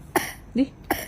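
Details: A young child coughs; the cough reportedly came from often eating a certain food, and the child's body temperature had to be checked.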